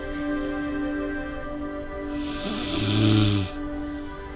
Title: Snoring in her sleep